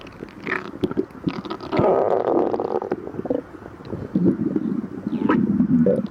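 Irregular gurgles and drawn-out rumbling growls with some rubbing noise; ordinary stomach growling of an empty stomach.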